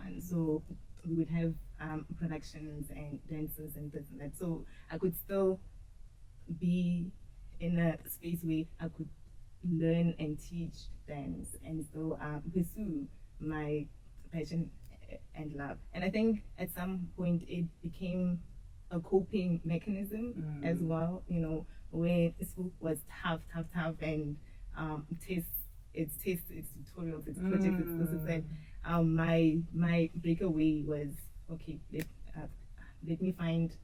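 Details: Adult woman who says she stutters, that it can be heard in her speech, and that she used to struggle a lot with it; stuttering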